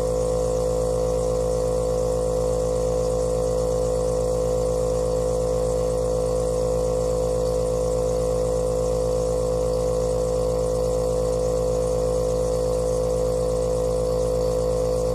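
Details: Compressor nebulizer running, used for fever and asthma: a loud, steady mechanical hum with a fast, even buzz throughout.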